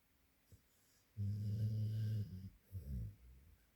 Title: Springer Spaniel Blinks, Snores and Twitches While Asleep